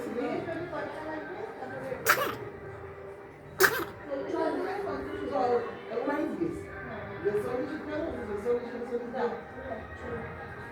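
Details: A young child's two sharp sneezes in quick succession, with an adult speaking nearby; ordinary sneezing.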